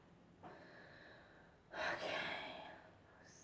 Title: One Sneeze Induced by Pepper